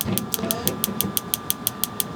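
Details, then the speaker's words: Radial shockwave therapy of about 1,500 pulses on an adult man's elbow for an extensor mass strain from gym overuse: rapid, evenly spaced sharp clicks about six per second over a steady hum. "so we uh we're going to hit this with about 1,500 pulses so we're a little bit of about 2/3 of the way done a little bit over half so again we're going to do a little bit of Shockwave"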